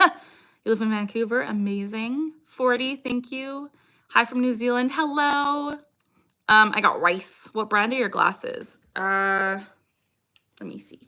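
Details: Woman with Tourette syndrome on a livestream; she has had a repeated vocal tic, "I got rice," for years, plus motor tics such as neck jerks and eye blinking: vocal tic (Tourette syndrome).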